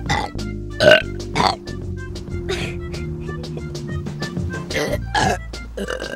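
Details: Children burping in a spec commercial: loud, drawn-out burps over background music.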